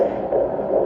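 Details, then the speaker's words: Fast, whooshing Doppler pulses of a fetal heartbeat, steady and strong, in the 150s beats per minute, at a 16-week OB appointment at 15 weeks 2 days pregnant. "well sure is steady and strong what's the it's 150s 150s okay"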